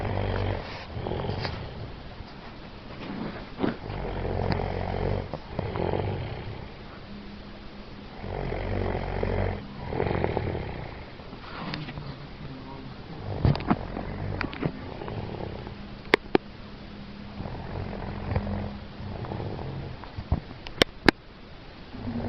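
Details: A man snoring five minutes after getting into bed, said to happen every night although he denies snoring: deep rumbling snores every few seconds, about 14 a minute, with faint room noise and clicks.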